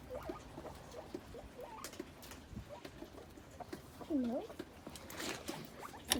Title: New Guinea pig p2 with cute sneeze